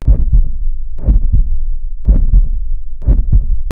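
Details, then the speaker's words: Rhythmic low whooshing pulses about 60 a minute, synchronized with the heartbeat, described as turbulent venous blood flow near the brain from raised intracranial pressure in papilloedema, animated illustration; pulsatile tinnitus. "finally pulsatile tatus is seen due to increased ICP which causes turbulence in the blood flow within venous systems near the brain uh which finally causes audible whooing sound that synchronize with the"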